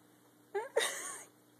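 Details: A young kitten, which had been sleeping, gives a single quick two-part sneeze: a short catch followed by a sharp airy burst, in a quiet, dark room.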